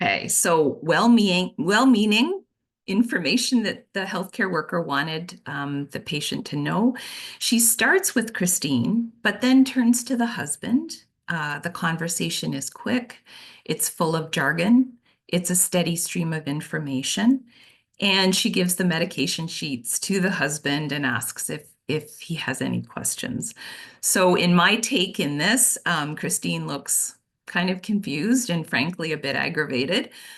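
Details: Adult woman speaking; normal speech.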